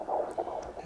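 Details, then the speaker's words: Fetal heartbeat on handheld Doppler: rapid, strong whooshing pulses, about 150 then 138 beats a minute, rate varying, described as normal. "really one now it's 138 oh wow yeah it's changing a lot that's normal this is fine this a good sign if it's changing a lot"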